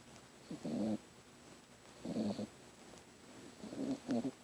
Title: CUTE!!! Stella the puppy snores (turn volume up)